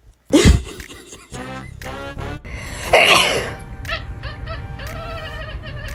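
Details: A human sneeze, one loud sudden burst, followed by a cat meowing in reaction, music in background; sneezing.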